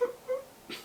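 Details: Vocal tic in a man with Tourette syndrome since age six, about 30 years, who appears to demonstrate an auditory tic.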